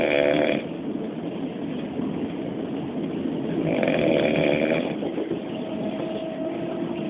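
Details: Loud, rough snores rising in bursts about every three to four seconds from a man sleeping on a train, over steady train rumble.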